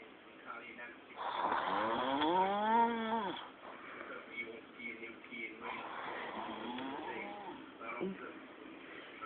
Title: ATTENTION: MOST RETARDED SNORING EVER